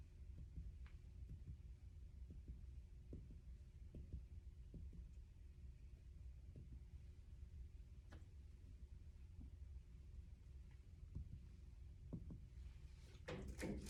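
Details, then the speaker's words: Finger percussion over the front of the chest during a head-to-toe exam: soft, irregularly spaced taps ending in clothing rustle; resonant percussion note over the lungs. "So, next I'm also going to percuss the front um for your resonance. Okay."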